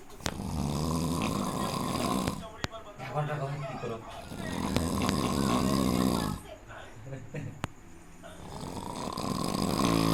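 Loud, long rattling snores alternating with quieter gaps over about ten seconds, with a few sharp clicks; ordinary heavy snoring.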